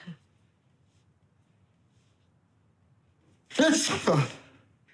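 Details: After a quiet pause, one sudden, forceful sneeze with a short double burst, acted in a TV drama where the sneezes portray cat allergy or illness; sneezing.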